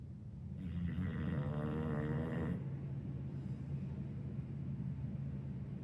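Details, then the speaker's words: Two-year-old female dog snoring while asleep: loud, rumbling chainsaw-like snore about two seconds long, then quieter noisy breathing; her usual sleeping snore. "And this little snore that she does when she's sleeping, that's just her. That's my baby girl, Miss Harley May."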